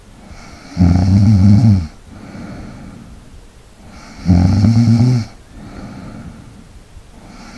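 Loud, rough snores on each in-breath, about 18 a minute, with quiet breathing between them: ordinary snoring in sleep.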